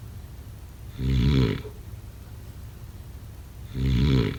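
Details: Two loud, rattling inhaled snores during sleep, about three seconds apart, roughly 20 breaths a minute; snoring.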